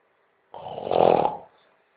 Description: tis video is the only proof ever assembLed of my loch-ness monster myth like buiLt up snoring ability.